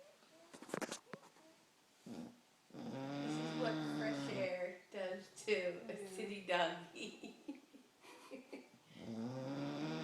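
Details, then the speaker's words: Bulldog giving deep, throaty, rattling snores with snorting grunts in uneven bursts; snoring. "Oh, you had to throw in one more snore while he was awake."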